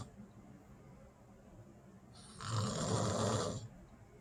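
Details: A woman asleep at night: one loud, rough snore lasting about a second, rattling on the in-breath, against quiet room noise; snoring.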